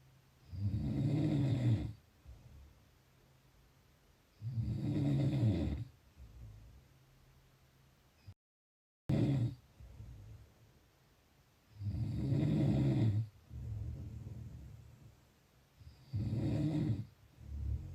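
Loud low rattling snores on each inward breath, about 16 a minute, with quieter outward breaths between: snoring.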